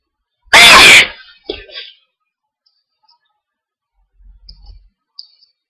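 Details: Hay fever, which flares on sunny days: one loud explosive sneeze followed by a short breathy aftersound, then quiet.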